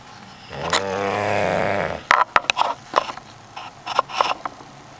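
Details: One loud, drawn-out, rattling snore followed by short snorts and mouth clicks; heavy snoring.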